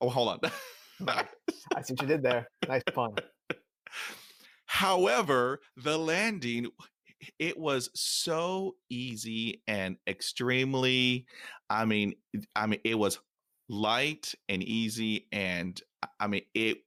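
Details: Adult male who stutters, speaking in real conversation; he reports stuttering more than he had in years during a public talk; stuttering.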